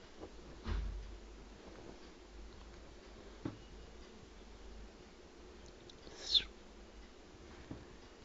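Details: A cat gives a few small, soft sneezes, one sharper and hissier than the rest, in a quiet room: sneezing.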